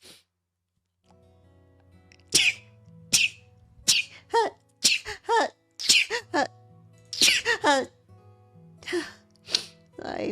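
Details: A rapid run of about a dozen sharp sneezes, several with a voiced catch before the burst, over faint background music; a sneezing fit in a person unsure if it is from weather or allergies.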